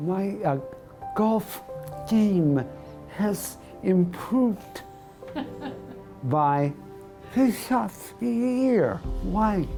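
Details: Adult male radio correspondent who lost his voice about two years earlier to segmental dystonia of the larynx, pharynx, tongue and lips, treated with Botox injections in the tongue; laryngeal and oromandibular dystonia (segmental dystonia).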